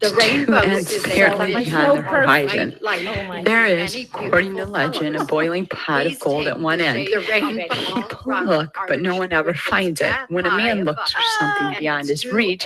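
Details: Abductor spasmodic dysphonia, a laryngeal dystonia with involuntary vocal fold contractions; patient reading the Rainbow Passage.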